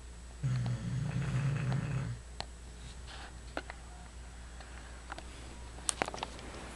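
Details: A bulldog snoring: a low, fluttering rumble of about two seconds, then quiet breathing with a few faint clicks.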